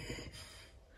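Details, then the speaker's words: Dog sleeping nearby snores: a brief, rough, snort-like breath against quiet room noise. "так меня собака здесь рядом храпит наверно Слышите Это не я соплю"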